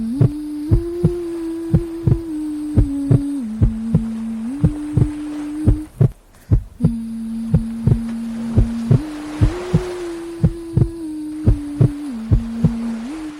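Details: Baby sleep-aid track mixing white noise, wave sounds and a melody with a heartbeat: steady low thumps under a soft sustained melody and hiss.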